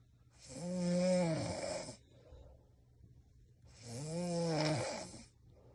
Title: Flying robot at the sounds of snoring